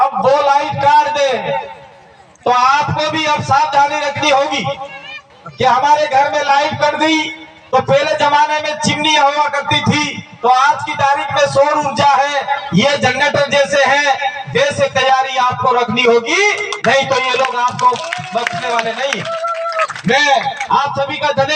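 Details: Adult man speaking; ordinary speech.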